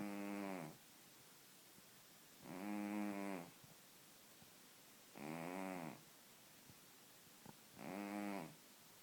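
Four regular, buzzing snores on the in-breath, about 23 a minute, with quiet pauses between.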